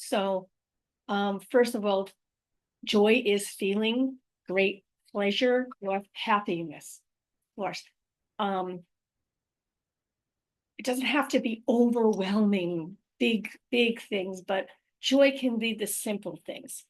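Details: Adult woman with aphasia, apraxia of speech and dysarthria after a stroke in May 2019, speaking about her own condition; real post-stroke aphasia with apraxia of speech and dysarthria.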